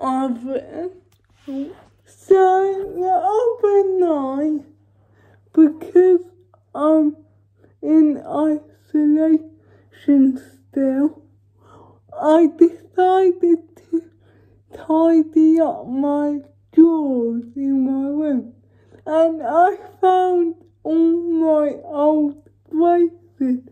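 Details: Female vlogger with cerebral palsy speaking in her daily-life vlog, with speech hard to follow; dysarthria due to cerebral palsy.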